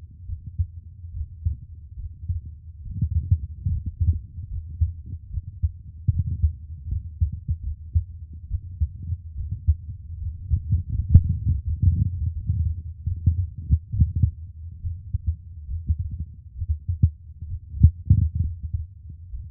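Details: Close-miked ASMR recording of the person's own heartbeat: soft, steady low thumps in a regular rhythm heard up close; a normal heartbeat.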